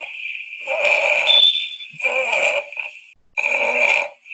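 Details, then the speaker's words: Infant (neonate) snoring from nasopharyngeal obstruction with nasal/pharyngeal collapse: three rough, noisy breathing sounds at about 40 per minute over a steady high background tone. "so this is a king of snoring and the collapse of pairings or diesel obstruction"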